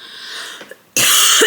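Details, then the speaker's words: Woman in her last week of pregnancy, the day before a planned C-section, with a two-week cold, sore throat and husky voice; after quiet room hiss, one loud, harsh cough; cough. "And as you can probably hear, I can't even talk without coughing. I can't even talk properly. Like my throat is very sore and I just don't sound like myself."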